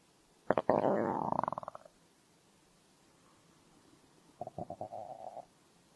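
Two bursts of gurgling, bubbling rumbles from the stomach, ordinary hunger growling.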